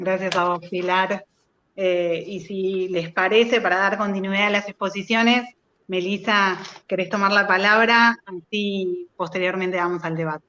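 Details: Adult speaker; normal speech.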